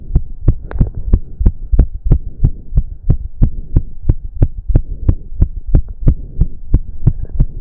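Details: Male heartbeat during an intense cardio workout of about 15 minutes, with heavy breathing. Fast, strong, regular beats at about 180 a minute with a low hum behind; he reports close to 200 bpm. Exercise-induced sinus tachycardia.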